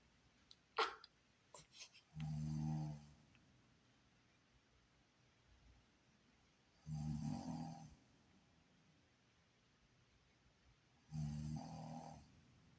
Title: Baby annoyed by mom‘s snoring 엄마의 코골이 아기도 인정